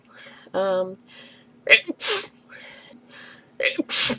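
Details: Two sharp sneezes from a girl answering the phone, each with a quick indrawn breath, between short voiced sounds; repeated sneezing in a rapid fit, possibly allergic.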